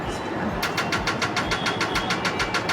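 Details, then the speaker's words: Laser removal of a nevus of Ota birthmark, third session, lesion already much lighter; rapid regular clicking pulses, about six per second, over steady machine hum as the dermatological laser fires. "আমরা লেজারের মাধ্যমে এটা আস্তে আস্তে remove করার try করতেছি"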